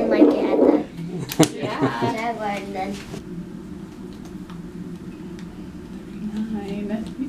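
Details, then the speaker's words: Fetal heartbeat picked up by Doppler at a prenatal doctor appointment, with children listening: rapid, whooshing beat near 146 a minute that children liken to a galloping horse, after brief talking. "- On dirait un cheval galopant pour moi. - Ouais ça sonne comme un cheval au galop mais tout d'abord, il avait cette comme rugir jaguar dessus,"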